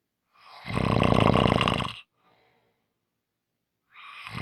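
A loud, rough snore on the in-breath, then a quiet pause and the start of the next snore.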